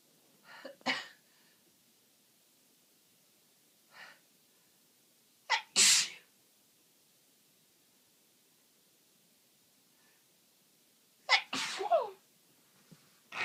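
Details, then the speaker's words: Person with a cold, itchy nose, watering eyes and a nose becoming blocked, sneezing uncontrollably: several sharp sneezes at irregular intervals with quiet gaps and soft breaths between. The voice sounds changed by the cold. "Oh, my sneezes sound funny because my voice is oh, bless me."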